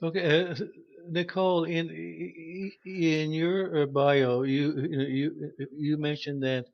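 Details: Stuttering in a male podcast host who says he stutters; repetitions are heard.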